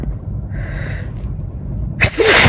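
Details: Steady car rumble, a brief indrawn breath, then one loud, sharp sneeze from a person sneezing repeatedly while driving on a hot day, with an itchy nose and watering eyes.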